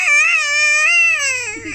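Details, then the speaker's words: A single sustained, clear cry from an infant boy, steady pitch falling toward the end, while he is said to be calling for mama; ordinary crying. "No, he looks so cute when he's crying. He looks so cute when he's crying."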